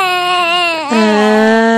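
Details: Infant during tummy time: a short, clear, tonal wail that drops in pitch, then holds a steady fussing cry.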